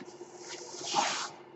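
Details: Speaker's own mechanical ventilator heard while he talks on a podcast: a soft, airy hiss swells and fades over about half a second over a faint steady hum, a ventilator delivering a breath.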